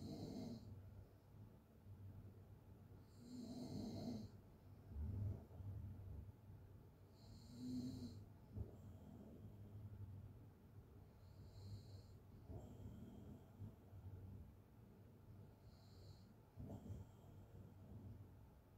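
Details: Open-mouth snoring during sleep: rough, rattling snores roughly every four seconds, about 13 a minute, over quiet room noise.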